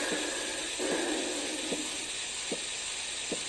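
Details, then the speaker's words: Manual blood pressure measurement during cuff deflation, likely on a simulator: soft regular taps over a steady hiss, the first tap marking systolic and the last marking diastolic pressure; Korotkoff sounds. "I want you all to listen for the very first heartbeat that you hear up until the very last heartbeat that you hear again the first heartbeat will be your systolic pressure and the last heartbeat will be the diastolic pressure"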